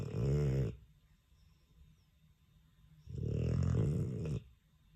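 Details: A sleeping Dogue de Bordeaux snoring: loud, deep, rattling snores on the breaths, with a quiet pause between them.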